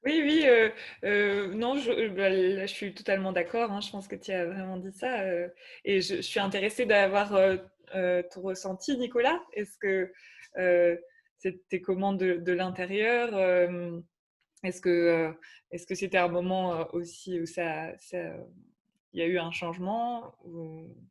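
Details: Adult woman speaking French; normal speech.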